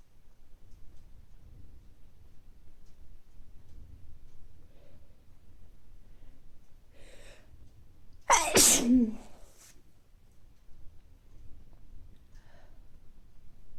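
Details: Short in-breath, then one loud explosive sneeze in a quiet room, from an adult with recurring mild colds over recent weeks, nose not very stuffy but feeling sneezy; sneezing.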